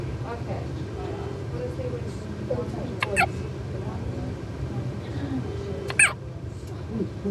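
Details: Hiccups in a child or person: two sharp, abrupt hiccup sounds a few seconds apart over background talk.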